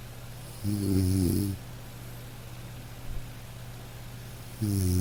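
Two loud, low, buzzing snores on inhalation about four seconds apart, with quiet breathing between; typical snoring.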